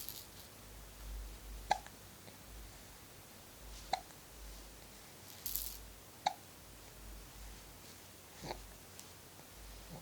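Soft, sharp hiccup sounds recur every two to three seconds over quiet room noise, about four in ten seconds: infant hiccups.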